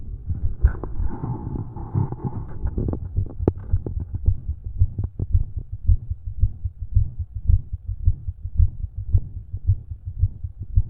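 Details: Own heart heard through a stethoscope with an extra sound (possible S4, unconfirmed) and a murmur, recorded at rest and after exercise; the extra sound went away later that day.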